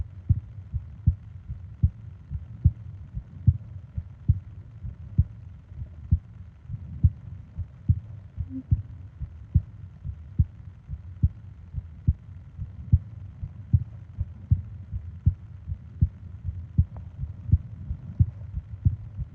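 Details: Steady, regular low heartbeat at about 75 beats a minute over a soft rumble, from a 20-minute ASMR sleep recording of heart and breathing sounds; normal heartbeat.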